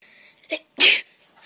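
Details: A short intake, then one sharp, hissing burst: a single sneeze.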